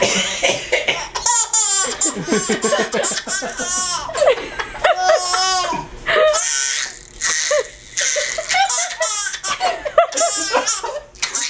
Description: My son's uncle started coughing & the baby thought it was the funniest thing.